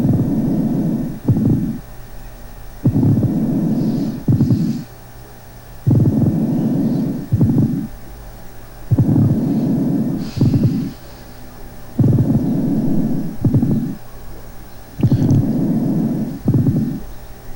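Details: Patient with tuberculous pleuritis: pleural friction rub on chest auscultation, rough grating creaks with each breath in and out, about 20 breaths a minute, like two irregular surfaces rubbing together.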